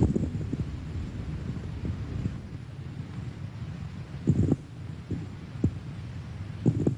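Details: Coarse crackles.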